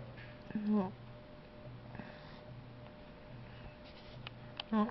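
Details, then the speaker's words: Sleeping cat with a cold that also snores regularly: two loud, buzzing snoring breaths in a quiet room; snoring. "he has a cold, but he snores regularly, so he's not just..."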